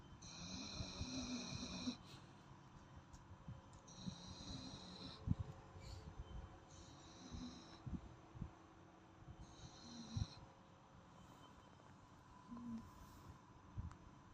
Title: she is snoring and nobody can sleep :))